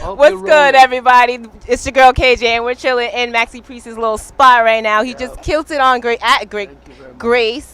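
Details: Adult woman speaking; normal speech.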